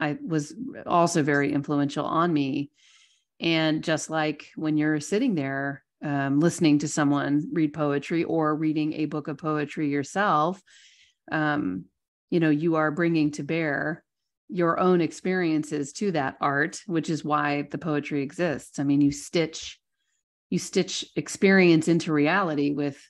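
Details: Adult speaker; ordinary speech.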